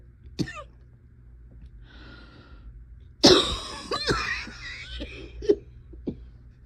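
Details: Person who is still wheezy and still coughing during an ongoing illness: cough.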